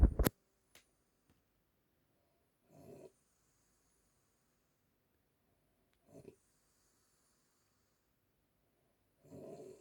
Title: Grandma snoring Part 1 #funny